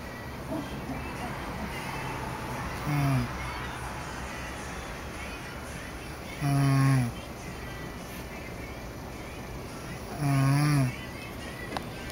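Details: Woman snoring: three loud, buzzing snores on the in-breath, about 16 a minute, over a steady background hum.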